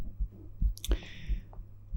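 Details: Adult's own heart heard through a stethoscope whose earpieces connect to a 3Dio binaural microphone, ASMR recording: a few dull low thumps with a brief rustle; ordinary heartbeat sounds.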